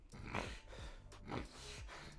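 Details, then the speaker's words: Imitated noisy breathing demonstrating adventitious breath sounds, which are sounds loud enough to be heard without a stethoscope and are a more serious sign, in a basic auscultation tutorial for emergency medical technicians. "los sonidos que seamos capaces de escuchar sin sin el uso de un fonendo se llaman sonidos adventicios"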